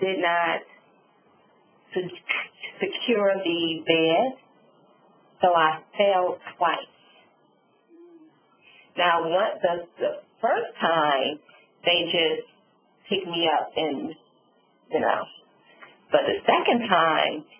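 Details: Adult woman, real stroke survivor, with aphasia and apraxia of speech after a subarachnoid hemorrhage and stroke; she reports sometimes being unable to think of the word; aphasia and apraxia of speech.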